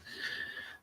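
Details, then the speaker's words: Dog sleeping behind the speaker: brief, whistling, wheezy breath sounds in a quiet room; snoring. "So, if you can hear snoring in the background, it's my dog, Otus, who is literally being awkward and sitting right behind me."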